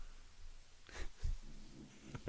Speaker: Sadie is snoring. Sorry. If you can hear that. I don't know if you can hear it or not. She's our cavapoo.